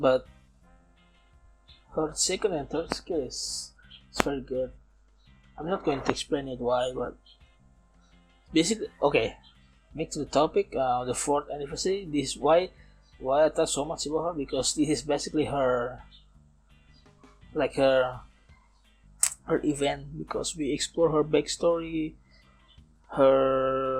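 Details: Man approaching 31, non-native English speaker, self-described as still stuttering, speaking English in a self-recorded podcast made partly to train his English; stuttering.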